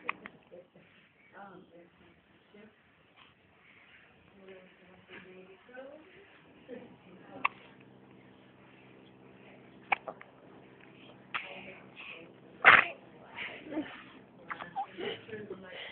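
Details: Newborn about 7 hours old with hiccups: brief sharp gulping clicks recurring every few seconds over quiet talk in the room.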